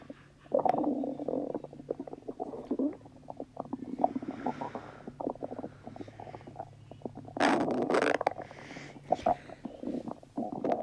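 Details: Stomach rumbling (borborygmi): low gurgling and bubbling rumbles with irregular pops and squeaks.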